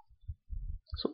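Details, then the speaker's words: Teaching demonstration of S1 (closure of the atrioventricular valves) and S2 (closure of the semilunar valves): low, dull lub-dub thumps; normal first and second heart sounds. "yes one or the first start sound is true the closure of atrioventricular valves and the sound produces like this lub"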